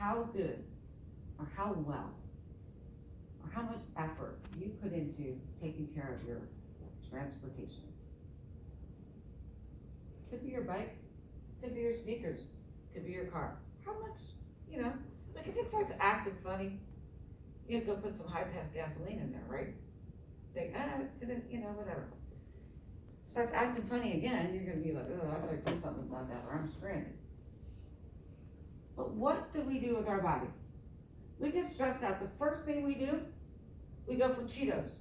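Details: Adult woman with myasthenia gravis since age 7 (about 45 years), palate not working so air escapes through the nose, reading a passage apparently without her custom palatal device; hypernasal speech.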